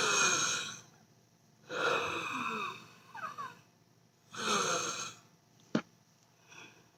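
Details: Wheezing: harsh, noisy breaths with whistling, musical tones running through them, from narrowed airways.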